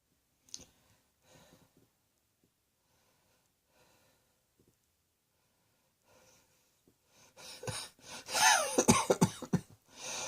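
Quiet breaths and small noises, then a loud run of several harsh coughs close together near the end.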